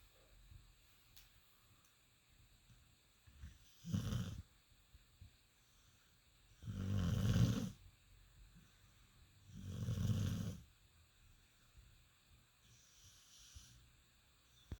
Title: Olaf snoring like an old man